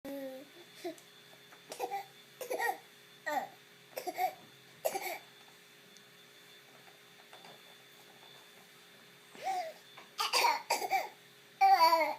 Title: Sound of a Korean baby coughing is both cute and worrying